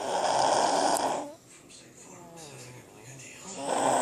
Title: Loudest snoring kid ever